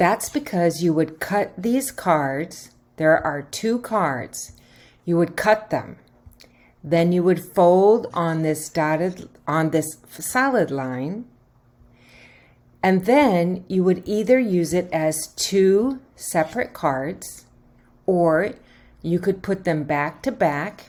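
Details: Adult woman speaking; normal speech.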